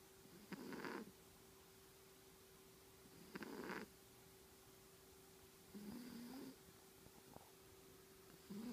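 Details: Sleep snoring: soft rattling snores with each breath, about three in nine seconds, over a steady background hum.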